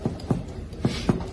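Short hollow percussion taps over the abdomen, giving the resonant tympanic note of gas-filled bowel.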